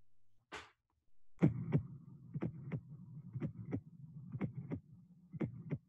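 Regular heartbeat around 60 a minute with an extra low sound just before the first heart sound: an S4 gallop.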